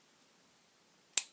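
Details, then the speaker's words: A single sharp click as a blood glucose lancing device is loaded by pulling back its rear part, before being pressed to the finger; a home blood sugar testing demo. "ഇത് load ചെയ്യണം ഇതിന് ഈ പുറകിലത്തെ സാധനം പിടിച്ചു വലിക്കുക ഒരു click കേൾക്കും"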